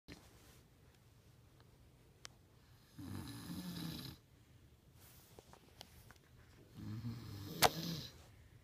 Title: Trying to sleep with husband snoring super laud